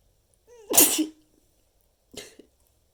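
Two short, held-back sneezes, the first with a brief voiced intake before the burst, the second quieter; stifled sneezing.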